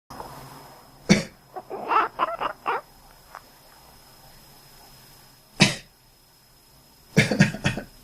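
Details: Adult coughing: three short, harsh coughs, the last a quick double burst; a sleeping cat makes soft chirping, quacking noises in response in a quiet room.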